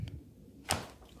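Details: A single sharp crack during a chiropractic cervical adjustment of a supine woman, head relaxed, eyes closed, who has carpal tunnel worse on the right; a harmless neck joint cavitation.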